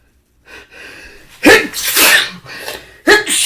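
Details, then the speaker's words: Breathy build-up with hitching inhalations, then a loud, forceful sneeze and a second burst, from a man who says his sneezes have lately become bigger and more powerful and that he cannot stop; ordinary sneezing. "oh god i don't know why but lately my sneezes have gotten just bigger more powerful i can't i can't stop"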